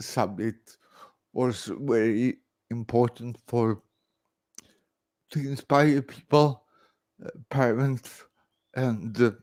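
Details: Adult man born 1968 with severe cerebral palsy after about 45 minutes without oxygen at birth; speech recognition programs struggle with his speech; dysarthria (cerebral palsy).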